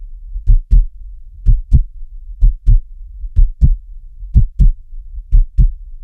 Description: Relax to the sound of a steady, beating heart and the sounds and soft orange glow you into a deep, restful sleep.